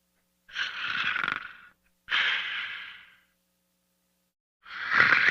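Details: Snoring from Diesel while sleeping.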